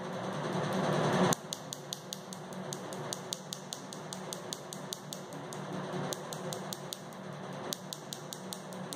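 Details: First session of Nd:YAG laser tattoo removal: rapid sharp snapping clicks, a little over two per second, over a soft hum: laser pulses firing.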